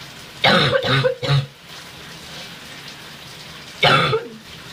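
Wet coughs and throat clearing in two bouts over running-water noise, a productive cough bringing up phlegm.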